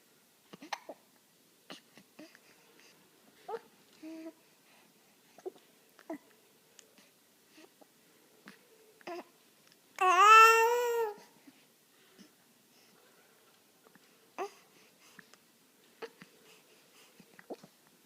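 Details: Young child with brief, abrupt catching sounds at irregular intervals and a short cry or vocal burst midway: hiccups.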